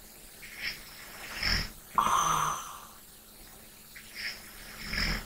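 Soft snoring and light breathing in sleep, about three breaths in five seconds, with a louder snorting breath in the middle.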